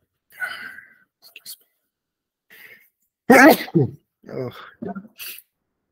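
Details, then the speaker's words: Adult lecturer sneezing: soft breath and throat noises, then one sudden loud sneeze, followed by brief voiced sounds. "Hey, all right, I think you can hear me there, so I'm sneezing."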